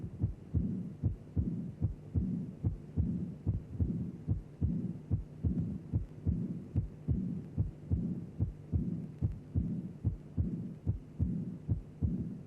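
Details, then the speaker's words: Heart sounds, regular at about 73 a minute: a soft, high-pitched murmur begins immediately with the second heart sound and cannot be separated from it; early diastolic murmur of aortic regurgitation. "Immediately after the second sound, you can hear a high-pitched soft murmur. It begins with the second sound. You cannot separate them. Therefore, it is an immediate or early diastolic murmur."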